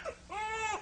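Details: A brief, clear cry from a two-month-old boy, one short wail rising and falling, while being swaddled arms-down during a live calming demonstration; ordinary infant cry.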